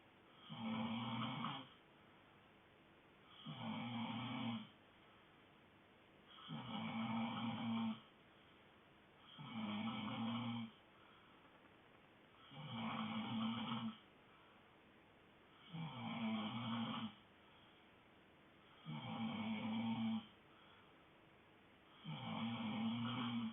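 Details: Pet dog sleeping and snoring steadily and rhythmically, about 19 snores a minute, with quiet pauses between; snoring.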